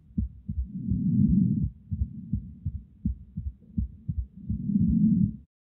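Heart sounds with an early extra sound after the second sound, a pericardial knock, between loud breath sounds; brief speech at the end.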